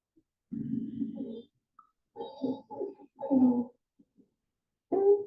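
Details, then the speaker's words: Croup in a child in the emergency room with visible respiratory distress and retractions: harsh, hoarse, seal-like barking coughs with stridor, an animal-like sound. "When you hear CRO, the noise almost doesn't sound human. It sounds like it's coming from an animal."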